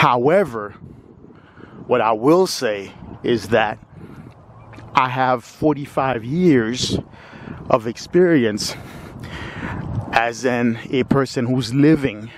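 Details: Lifelong stuttering in a 45-year-old man with periods of fluency; audible word repetitions.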